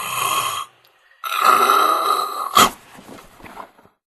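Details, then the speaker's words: Heavy snoring: two loud, buzzy inhaled snores separated by a pause, the second ending in an abrupt snort, then quiet rattly breathing; heavy snorers are urged to check for sleep apnea. "so if you are a heavy snorer you need to find out if you have sleep apnea you could be in danger from a lot of things you never imagined"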